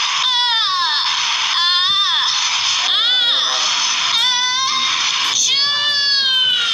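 Loud, high-pitched crying in repeated rising and falling wails, an infant's cry.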